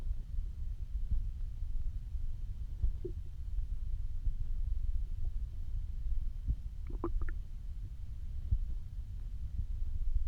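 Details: Hunger stomach growling (borborygmi) after almost 24 hours without eating: low rumbling with scattered gurgles and a brief squeaky burst midway, a normal bowel sound.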